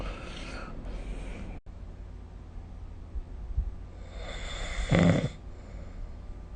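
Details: Snoring recorded with the SnoreLab app: low rumbling breaths during sleep with a louder rattling snore near the end.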